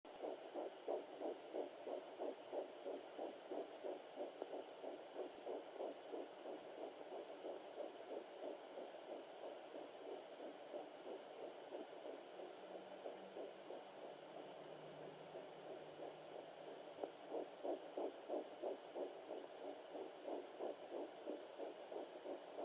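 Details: Fetal heartbeat on a fetal Doppler at 9 weeks 1 day of pregnancy: rapid, regular whooshing pulses, about 180 a minute.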